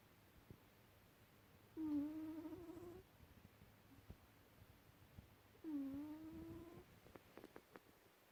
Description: Fast asleep & making the strangest noise.